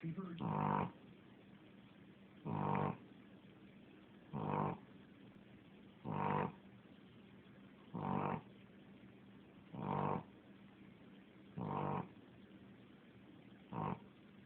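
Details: Steady, even snores from a sleeper, about eight in fourteen seconds (roughly 33 breaths a minute), each a short rumbling buzz with quiet between: snoring.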